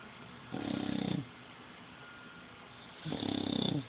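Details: Loud snoring: two rattling snores about two seconds apart, each a buzzing inward breath during sleep.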